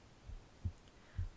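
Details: Two soft low thumps about half a second apart, no extra noises, a heartbeat recorded on the left side of the chest. Normal heartbeat.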